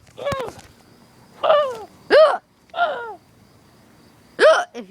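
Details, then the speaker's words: Five abrupt voiced hiccups, each a sharp catch with a short squeaky rise, at irregular intervals over five seconds, in a person who gets hiccups frequently; hiccups. "yeah yeah I got hiccups again huh"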